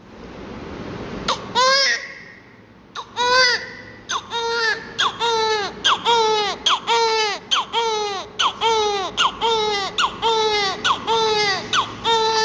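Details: Newborn during airway suctioning and oxygen care: repeated loud, high-pitched cries in short bursts, about one every second, strong and regular after a brief start.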